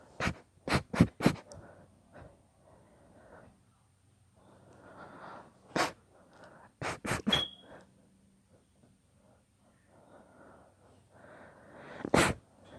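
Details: Deliberately induced sneezing fit: about a dozen sharp sneezes in quick bursts, with gasping breaths between.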